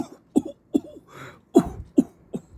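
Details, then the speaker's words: Adult man in Tainan gives a series of short, deliberate fake coughs, saying he is healthy and can hardly even fake a cough. "咳嗽很严重，哇，连装都很难装这个演技太差了求一咳嗽而不可得"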